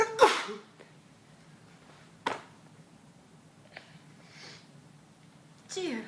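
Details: Baby imitating his mother's sneeze, not a real sneeze: a few short, breathy sneeze-like bursts with soft voice between them.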